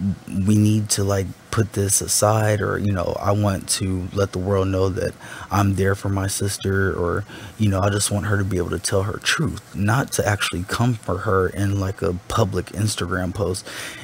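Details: Adult speaker; no speech disorder.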